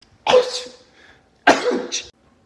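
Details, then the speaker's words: A man sneezes twice: two sudden, explosive bursts of air about a second apart, each with a forceful release. "But for a person like me, sneezing feels exquisitely delicious when you like explode in your nostrils."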